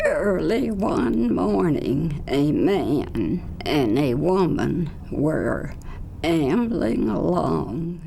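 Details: Speaker reading a vowel-initial standardized sentence used to provoke symptoms of adductor spasmodic dysphonia, a laryngeal dystonia; adductor spasmodic dysphonia.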